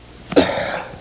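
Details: Assisted cough: a short, forceful cough after a big breath in, boosted by a heel-of-hand abdominal thrust between the xiphoid and the navel.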